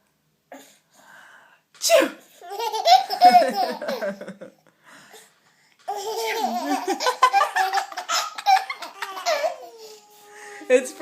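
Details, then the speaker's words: An adult imitates a sharp sneeze for twin babies, who answer with bursts of high-pitched laughter; the sneeze is simulated, not a real one. "a a we think sneezing is very funny don't we a what do you think"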